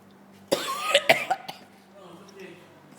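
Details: Adult man coughing out blood after chugging an extreme hot sauce, a quick burst of about five harsh, forceful coughs over a low steady hum; he later became unresponsive and passed out.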